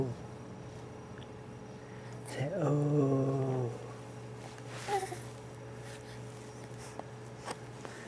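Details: A drawn-out voiced call, then a single short, sharp sneeze in a quiet room; sneezing.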